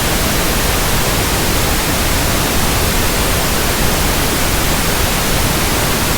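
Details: Simulated pink noise for tinnitus sound matching and frequency testing: a steady, even hiss, for comparing with hissing or static-like tinnitus.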